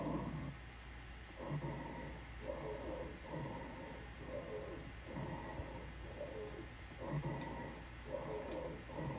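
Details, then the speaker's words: Recording of a person's lungs with adventitious sounds (rhonchi/wheeze): coarse, low-pitched rumbling with musical tones recurring with each breath cycle. "okay guys so I'm actually going over respirations and I saw this one of the things we're talking about are wheezing rails and Rocky and I was like H what are rails I want you guys to listen to what this sounds like"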